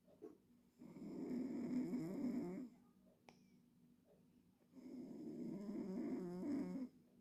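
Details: A cat snoring in its sleep: two long, rough, rattling breath sounds about four seconds apart, with quiet pauses between them, in a small quiet room.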